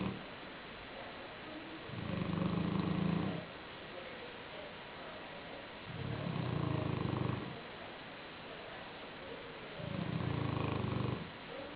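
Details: Sleeping black shar-pei dog lying on a pillow, snoring: low, rumbling snores at regular intervals, about fifteen a minute, over a steady background hiss.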